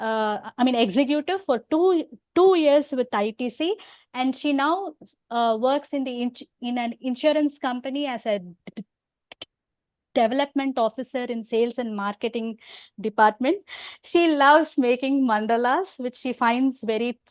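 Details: Adult woman who stammers openly (overt stammering) and has hearing loss; stuttering.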